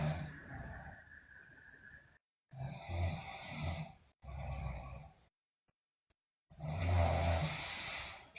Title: Sleeping Girl Loudly Snore, Bruxism, Delirious